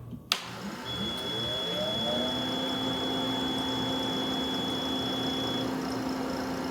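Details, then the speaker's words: Caire Companion 5 ECO stationary oxygen concentrator, up to 5 L/min, powered on by pressing the button upward: a click, then a rising motor hum settling into a steady quiet drone with a high tone; normal start-up. "To power on the unit, simply press the button upward."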